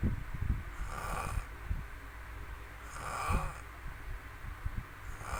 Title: Suara ngorok terindah serumah🤪 prat3